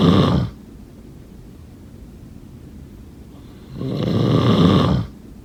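Two loud, rough, low snoring breaths separated by a quiet pause; ordinary snoring during sleep.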